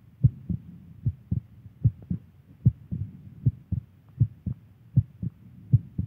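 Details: Girlfriend's heartbeat: steady paired low thumps at about 80 beats a minute; a regular heartbeat.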